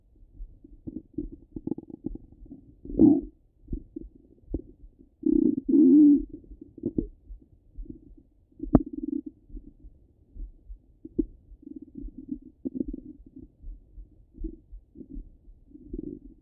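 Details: Stomach rumbling from a half-hour recording, heard over the belly: irregular gurgles and rumbles, some long and some short, bowel sounds.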